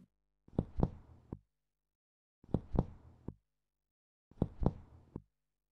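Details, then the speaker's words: Three groups of finger-percussion taps, each a few loud, low-pitched, long hollow strikes with brief ringing: resonant percussion note, as heard over air-filled lung. "A resonant sound is a loud, low-pitched, long sound that can be heard over the lung."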